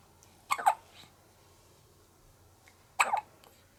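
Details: A 1-month-old baby girl hiccups after breastfeeding while fighting drowsiness: two short, sharp catching gulps about two and a half seconds apart.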